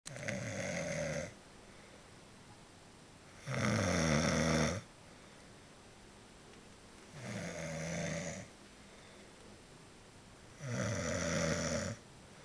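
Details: Adult man asleep: four loud, rough snores on the in-breath, about 17 a minute, with quiet pauses between; snoring.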